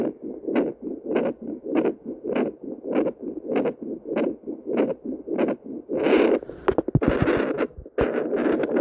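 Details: Heartbeat picked up by Doppler at multiple points: regular whooshing pulses near 100 a minute, then scraping noise as the probe moves; normal.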